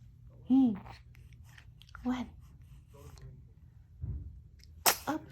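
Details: A small, high sneeze from an infant girl who also has hiccups, amid soft room sounds, followed by a second brief burst; an ordinary baby sneeze.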